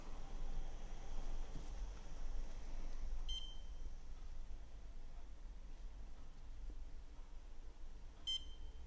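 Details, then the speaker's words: Woodpecker iLED dental curing light, normal program 2 at 20 seconds per ring, curing 3M Filtek Z250 composite in a depth-test gauge of 1–4 mm; two short timer beeps about five seconds apart marking the polymerization cycle. "seconds the lamp beeps from five every five seconds so we can make an estimation when the polymerization will end"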